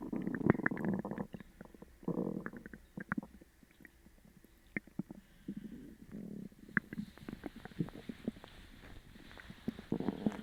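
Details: Borborygmi.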